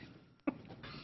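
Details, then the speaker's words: Adult with a cold gives a single short, abrupt cough against quiet room noise during a city commission meeting, apologizing for coughing a lot that night. "me um first I apologize for coughing so much tonight but uh haven't had a cold in years but I sure got one now"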